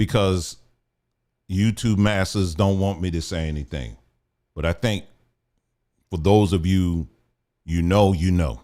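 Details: Adult man speaking; plain speech.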